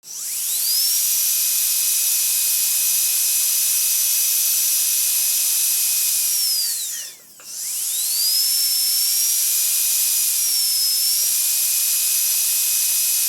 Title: Dentist Drill - Sound Effects - For Youtube Videos - No#1SoundFX